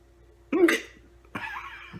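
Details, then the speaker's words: Man with hiccups, laughing at them: a sudden, sharp voiced catch of breath followed by a breathy exhalation, fitting a hiccup. "let's see how long it takes I have the hiccups it's pretty funny"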